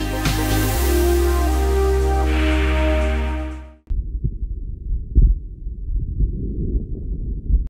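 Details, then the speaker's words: Stethoscope auscultation at third and fourth intercostal spaces over large bronchi, physiological demonstration for physiotherapy students: music, then low muffled breathing; normal bronchial breath sounds. "we palpate until we locate the third and fourth intercostal spaces where large Brony originate in order to proceed with the osculation of bronchial breath sounds"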